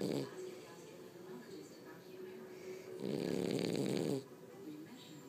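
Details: A rough, rattling snore swells for about a second amid quieter breathing and faint room noise; two sleepers snoring while lying on a person.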